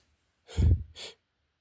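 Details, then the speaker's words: A person deliberately holding back a sneeze, with a muffled burst of air through the nose and closed mouth, then a short outward puff: a stifled sneeze. "Try to hold my sneezes instead. She used to stifle them."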